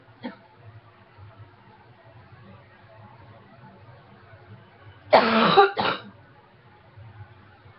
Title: Coughing #3